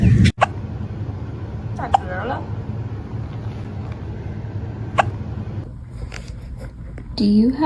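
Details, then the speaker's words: Kitten with hiccups: a few small, sharp hiccup clicks spaced a couple of seconds apart over room hum and music, a person's voice asking about hiccups at the end; hiccups. "[Music] [Music] baby oh hello have you got hiccups [Music]"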